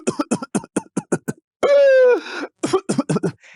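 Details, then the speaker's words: Pediatrician imitating a child's pertussis (whooping cough) paroxysm: rapid bursts of short coughs, then a long high-pitched inspiratory whoop on deep inspiration, then more coughs; simulated, not a real patient. "esse barulho inicial é o guincho que é bastante característico dessa doença."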